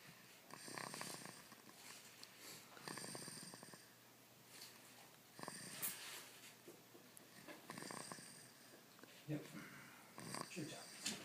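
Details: Rhythmic rough snoring breaths from a sleeping young girl, about 25 a minute, with faint room noise; ordinary snoring.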